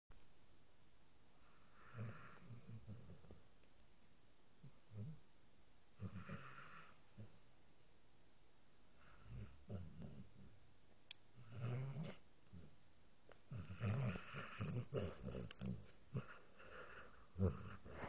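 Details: Sleeping dog snoring at low volume: low, rough snoring sounds at irregular intervals, with quiet room noise between them.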